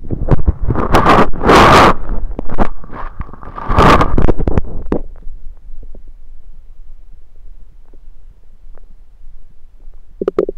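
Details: Self-recorded with a USB stethoscope on the belly: loud gurgling, rushing rumbles fading to quiet, normal active bowel sounds.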